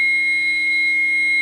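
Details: A steady high-pitched electronic tone: an AED charging after "shock advised" during one-rescuer adult CPR training, before shock delivery.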